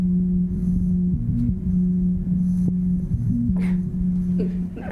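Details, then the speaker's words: Steady, low mechanical hum heard through a stethoscope on the chest of a mother of six with heart failure: continuous sound of a left ventricular assist device (LVAD) pump, pulse very weak and not palpable. "it reminds me of when decades ago you would wait outside a club to get into the club and you'd hear the you hear the music through the you're you know if you're waiting in that line"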